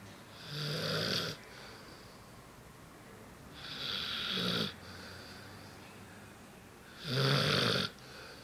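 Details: Large Bernese Mountain Dog snoring loudly, like a monster, while asleep.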